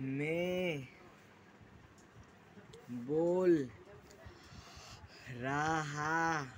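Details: 16-year-old boy with a self-reported stammering problem, speaking very slowly word by word with long pauses between words while describing stammering techniques; stuttering.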